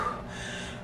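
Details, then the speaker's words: A single short, forceful imitated gasp for air from a plus-size pregnant woman, about five months along, with shortness of breath since month three, worse wearing a mask at work. "m yeah shortness of breath has been a issue since about month number three yeah so probably like the last two months i definitely struggle with shortness of breath"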